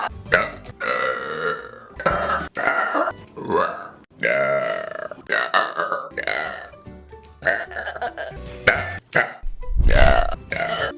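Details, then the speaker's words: A long run of loud, drawn-out burps, some shaped almost like voiced words, with music in the background; compilation of a woman's burps. "I feel like I have a burp."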